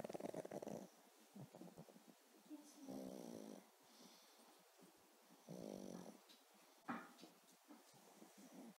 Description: Our pugly dog snoring on her back.^_^